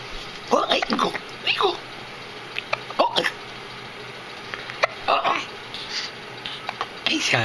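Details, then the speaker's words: Short, sharp, irregular catches between bits of speech in a small room, about four in seven seconds; hiccups. "got hiccups hey sorry go take artistic tabs and I go shop I got that hiccup and I guess it is like your mommy with the hiccups"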